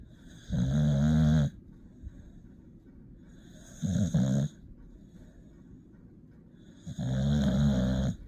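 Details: A sleeping, tired puppy snores in three low, rattling bursts at about 20 breaths a minute; snoring.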